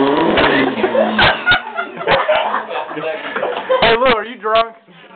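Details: Hiccups with a person's exclaimed "what?!", with laughter and cursing around the clip.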